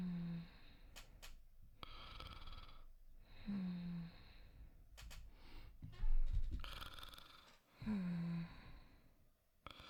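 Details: Simulated snoring, voice acting of a character falling asleep in a sleep video: soft, regular snoring with low rattling on each breath in and quiet breaths out, imitating light sleep.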